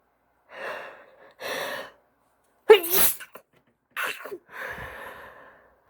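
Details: Female with a pollen-itchy nose, sneezes deliberately induced: a run of sneezes, each with a quick drawn-in breath before a sharp burst of air; allergic sneezing.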